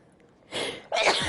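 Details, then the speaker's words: Allergy sneezing in an adult: two quick explosive sneezes, the second louder. "oh my god my allergies that's what it is we're all good"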